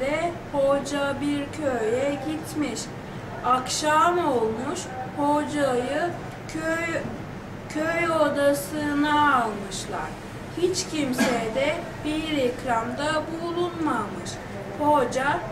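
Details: Stuttering in a 21-year-old pregnant woman before stuttering therapy, reading aloud in Turkish.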